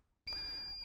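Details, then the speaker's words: Steady high-pitched electronic tone that starts abruptly and holds: the continuous fault alarm of a Mercury Advance SMARTcare pressure-relief mattress pump, shown with the warning lights; it can be muted for 30 minutes. "should the pump experience a fault the user will be indicated via an audible visual warning system audibly the pump will make a continuous beeping sound"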